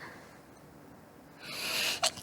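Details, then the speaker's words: An adult with chronic rhinitis, worse with the change of seasons: after a quiet stretch, a rising hissing breath builds into one sharp, explosive sneeze. "저 만성 비염인데 환절기 때문에 좀 더 심한 거 같아"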